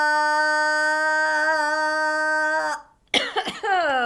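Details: Cough during a Parkinson's speech-therapy exercise: a steady sustained 'ah' breaks off, a short pause follows, then a sharp cough burst trails into voiced throat sounds. A single cough.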